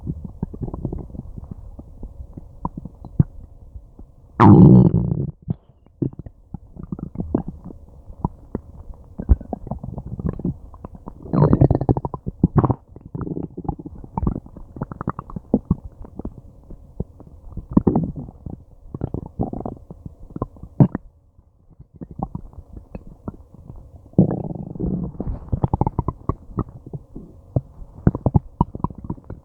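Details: Loud, frequent gurgling, growling and groaning stomach and intestinal rumbles, long-lasting after eating something unknown; ordinary bowel sounds (borborygmi) from active digestion.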